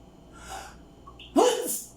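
A quick indrawn breath followed by one loud, explosive sneeze.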